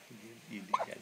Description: birthday hiccups